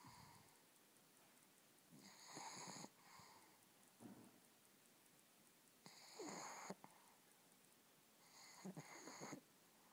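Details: Soft, whistling, snuffly snores on each breath, three or four over ten seconds, from a sleeper said to need nasal strips; light snoring.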